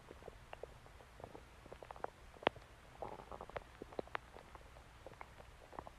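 Soft, scattered gurgles, pops and clicks over a faint hiss, the bubbling of gas and fluid in the gut; ordinary bowel sounds.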